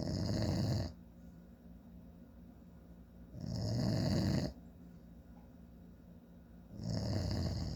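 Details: Father snoring in sleep: loud, rough, rattling snores on each breath in, about 18 a minute, with quiet pauses between; heavy snoring.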